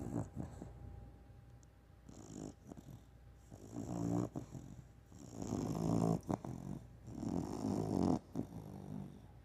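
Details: Sleeping dog: irregular, rumbling, snorting breath noises, loud and rattly on several breaths; snoring.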